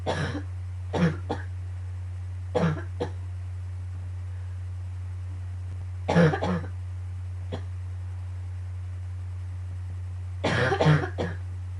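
Repeated clusters of two to three coughs over a steady low hum, a morning coughing fit.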